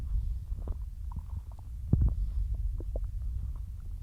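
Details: Stomach growling (borborygmi) in a bloated stomach after a massive lunch of cheesy pasta and milk mid-diet: low, rolling gurgles and rumbles from the abdomen.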